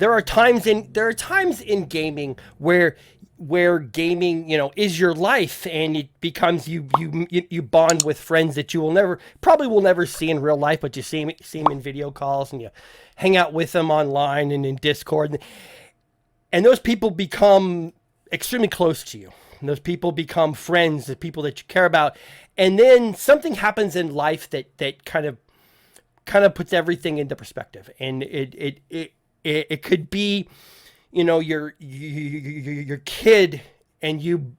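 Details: Adult male podcast host who says he stutters, with listeners in voice chat often asking him to repeat himself; stuttering.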